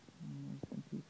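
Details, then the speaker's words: 5-day-old newborn girl, cozy with eyes open, hiccupping right after a feed; hiccups. "And she's just had a feed, and she's got the hiccups, but she's cozy, and she has her eyes open, and she's looking all around."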